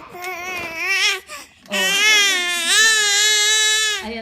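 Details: Infant crying, noted as crying without tears: loud, sustained crying with high-pitched wails and a brief pause for breath, in a small room.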